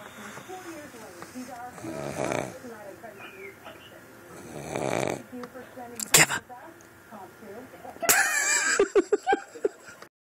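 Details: Sleeping dog: two loud, rough, fluttering snores about three seconds apart, then brief sharp noises and squeaky sounds; snoring.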